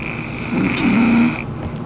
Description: my grandma was snoring really loud so i taped it....funny